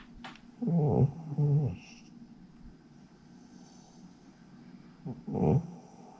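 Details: Soft, rattling snores in short bursts with quiet pauses from a pet cat asleep in an awkward position, possibly dreaming; harmless snoring.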